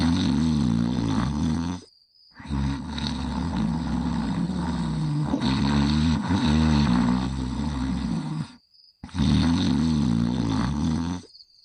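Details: Simulated snoring from a TV cartoon soundtrack, a character sleeping: loud, drawn-out rumbling snores with short gaps between breaths.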